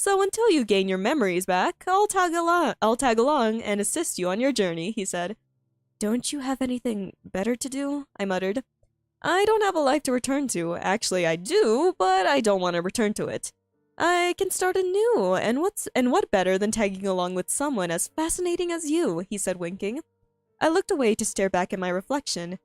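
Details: Female streamer who says she stutters a lot and finds reading difficult, reading her own story aloud; word and phrase repetitions heard; stuttering.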